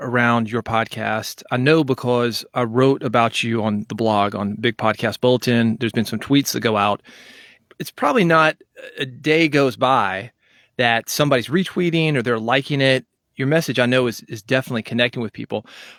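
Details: Adult male speaker; normal speech.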